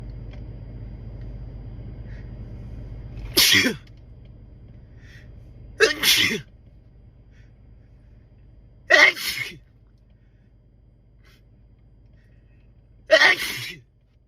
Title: Spray Sneezing